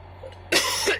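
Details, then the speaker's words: Woman 12 weeks pregnant with MS, who reports producing much phlegm and coughing it up more than usual during pregnancy: a single harsh, forceful throat-clearing cough after a quiet moment. "with MS I get a lot of phlegm so I cough up a lot of stuff which is really so attractive but this time around I'm coughing up stuff a lot more"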